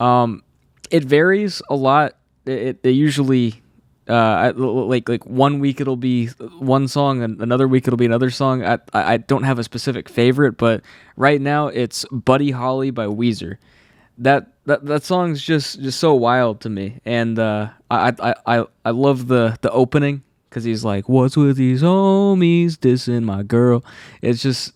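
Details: Adult man who has stuttered all his life since childhood, saw a specialist as a child, and says anxiety worsens it; stutters are left unedited here.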